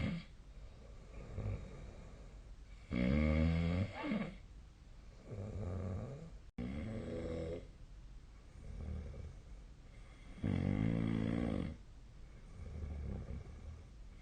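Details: Adult snoring during sleep, with loud, rough snores in a steady rhythm and rattling inward breaths between quieter outward breaths.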